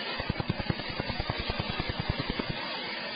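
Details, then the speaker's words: Laser tattoo removal device firing on skin, starting with a test spot and then over a rose tattoo: rapid, steady sharp snapping pulses, about 200 a minute. "so I'm going to start with a test spot so you can see what it's going to feel like, okay?"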